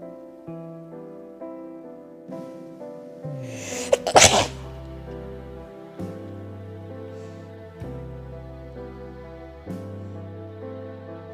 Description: In this video I do a close up of my nose while i make myself sneeze 👃🤧